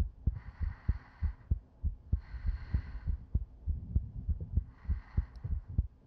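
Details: Steady soft low thumps, about 98 a minute, with faint breathing, as heard with the head on a woman's chest, in a looped ASMR sleep-aid recording; normal heartbeat.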